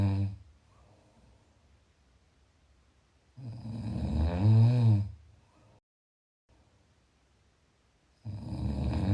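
Loud rattling snores on inhalation, roughly every four to five seconds, with quiet pauses between; snoring during sleep.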